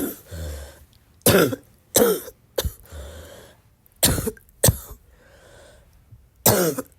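Six loose, rattly coughs separated by noisy breaths in; a wet, productive-sounding cough.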